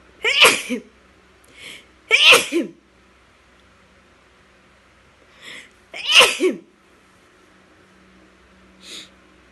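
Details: Annabel sneezes repeatedly: three sharp sneezes with softer snuffles between them in a quiet room.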